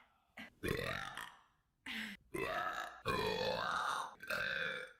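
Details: Burp compilation: several loud, drawn-out voiced burps separated by short pauses, with a brief softer burp between them; belching.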